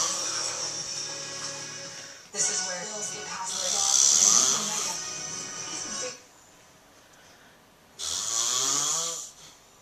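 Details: An adult man (dad) asleep after a long Christmas morning snores loudly: hissy breaths each lasting a few seconds, with a TV or music in the background.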